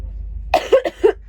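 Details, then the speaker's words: Pregnant woman at 21 to 23 weeks (fifth baby), with a gnarly cold and persistent cough: three or four harsh, voiced cough bursts in quick succession over low background hum, cough with a cold. "My lips are so sore cuz I've been coughing. I've been coughing and um I've had a really gnarly cold."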